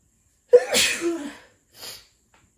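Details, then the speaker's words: Woman sniffing pepper to induce sneezing, which left her congested: a single sharp sneeze with a trailing exhale, then a short sniff. "This is a video of me trying to induce while sniffing a little bit of pepper. I don't really find it does much for me, but I'll give it a go."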